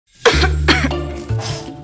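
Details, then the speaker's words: An adult woman coughs; she reports coughing for 2 months, daily for the last 2 weeks and at first only on weekends; cough. "saya udah 2 bulan batuk-batuk terus."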